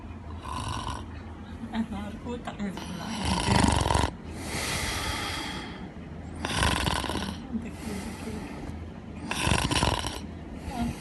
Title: Ultimate Snoring, watch till End